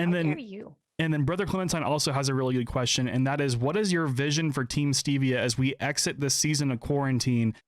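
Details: Adult male speaker; Normal speech.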